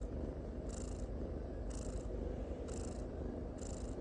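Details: Sleeping tricolor (calico) cat snoring gently: soft, steady low rumbling with a faint airy hiss about every second.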